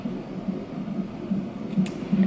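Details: Fetal heartbeat on a Doppler monitor during early labour, contractions every 2 to 3 minutes, mother admitted to hospital without epidural: low, rhythmic whooshing pulses.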